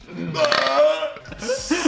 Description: Various burps from the guys.